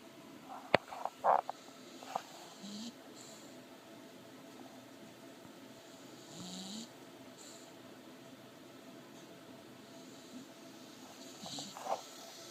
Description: English bulldog snoring & dreaming.